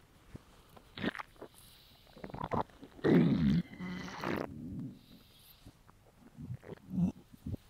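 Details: Male, hungry: irregular gurgling and low rumbling bursts from the abdomen; borborygmi, normal hunger bowel sounds.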